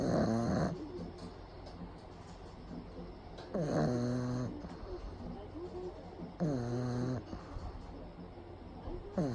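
Loud, rough snoring from a sleeping small dog, three long buzzing breaths in about nine seconds, with quiet pauses between them.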